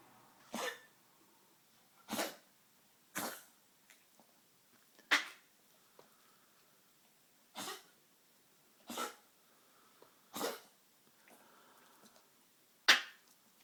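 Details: Tracheal cough in a Maltese over 13 years old with degenerative valve disease (murmur, enlarged heart, leaky valve): about nine short, sharp, dry honking coughs at irregular intervals in a quiet room. The cardiologist says it is not a heart cough.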